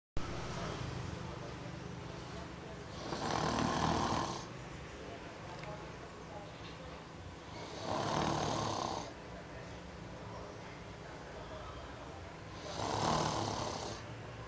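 Loud rasping snores about every five seconds, roughly 12 a minute, over steady low room hum.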